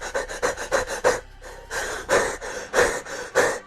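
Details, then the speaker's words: Fast, shallow, forceful panting breaths, roughly 90 to 100 a minute, imitating the over-breathing of a panic attack before the paper bag technique is used; hyperventilation. "So ഈ ഒരു hyper ventilation regulate ചെയ്യാൻ വേണ്ടിയിട്ടാണ് ഈ ഒരു paper bag technique use ചെയ്യുന്നത്"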